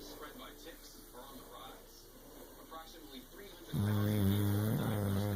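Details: Tired, worn-out boy snoring: faint television talk in the background, then one loud, buzzing, drawn-out snore.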